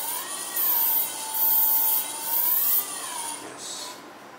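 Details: Phaco cataract surgery on grade 2 nuclear sclerosis with prechop, Oertli Faros machine, vacuum 400, handpiece removing fragments: whining tone rising and falling with bursts of high hiss from vacuum aspiration.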